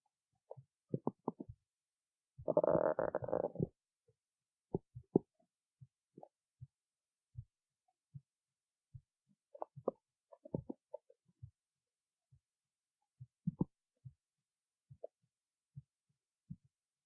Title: stomach growling 8